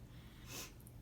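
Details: Child over three years old during a paediatric assessment, stethoscope under the gown, lungs auscultated side to side with a deep breath on request: a single soft, airy deep breath over low room hum. Clear normal lung sounds, no wheeze or stridor.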